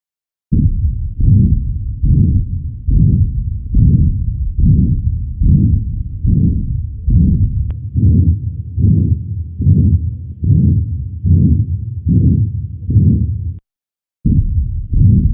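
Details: Heart sounds: steady heartbeat at about 72 a minute, each beat a prolonged low rumbling thump.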